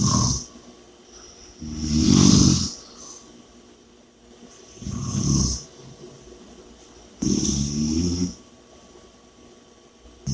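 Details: Three loud rattling snores with quiet pauses between them, roughly fifteen breaths a minute; heavy snoring during sleep.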